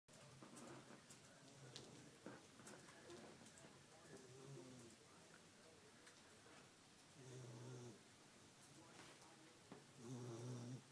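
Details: Dog named mophead asleep in a recliner: faint, low snoring sounds under a noisy room background, clearest near the end.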